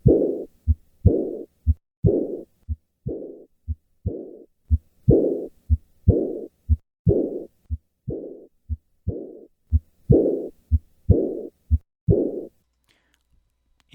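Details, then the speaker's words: Teaching recording after tetralogy of Fallot repair: regular heartbeat about 60 a minute with a systolic murmur of mild residual subpulmonic stenosis and a long, rough, fading diastolic murmur of pulmonic insufficiency. "listen to the murmur of mild sub-pulmonic stenosis and combined pulmonic insufficiency I will start with normal heart sounds and then add the systolic murmur of subpulmonic stenosis and finally a diastolic murmur of pulmonic insufficiency"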